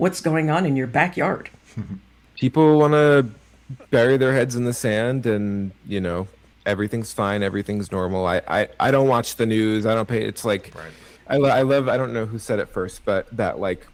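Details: Adult male with cerebral palsy and a stutter he believes is related to his CP; his own conversational speech with part-word and word repetitions; stuttering.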